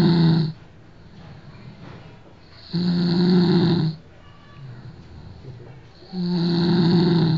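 Loud, rough snores on each in-breath, about 17 a minute, with quiet breathing in between; ordinary snoring.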